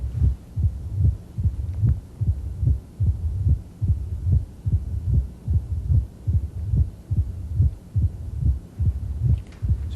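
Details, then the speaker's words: Mitral stenosis, patient in left lateral decubitus position, heard just inside the apical impulse: a low-frequency grumbling diastolic murmur initiated by an opening snap that the murmur obscures, with a regular heartbeat about 72 per minute. "a low-frequency grumbling murmur initiating the murmur is an opening snap but it's hard to pay attention to the opening snap because the murmur grabs your attention so quickly"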